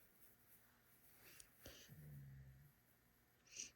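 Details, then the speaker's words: Snoring from a female animal lying on the floor at the speaker's feet, heard faintly during a sewing tutorial and described as sawing serious logs. "I don't know if you can hear Gidget snoring, but she is sawing some serious logs on the floor at my feet here."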